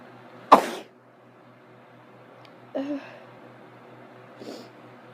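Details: Person with a head cold and watering eyes: one sharp, explosive sneeze, then two softer sneeze-like bursts in a quiet room, with nose blowing; repeated cold sneezes.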